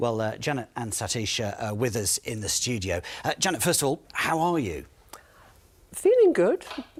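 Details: Adult male presenter; typical speech.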